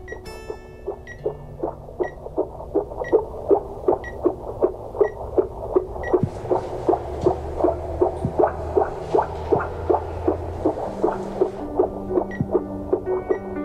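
Fast, regular whooshing pulses at about 158 a minute, with soft background music; a fetal heartbeat on a monitor in a drama scene.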